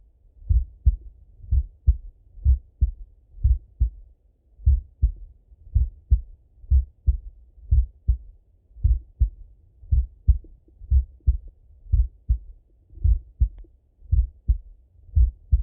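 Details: Male full heart auscultation: steady paired lub-dub beats at about 75 a minute, no extra sounds; normal heart sounds.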